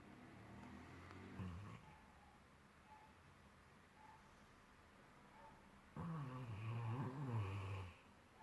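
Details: Snoring: low rattling snores on the breath, with a quiet stretch between them.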